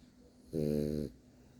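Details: French bulldog asleep, snoring: a single loud, buzzing, rattly snore about half a second long in a quiet room.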